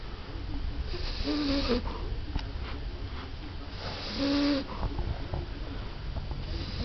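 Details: 14-year-old female French Bulldog dozing off: two rumbling, faintly whistling snores on the in-breath about three seconds apart, with soft breathing between. Snoring.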